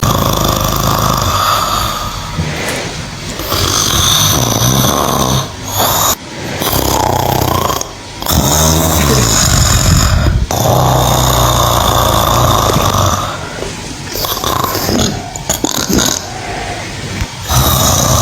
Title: snoring cow #shorts #viralshorts #youtube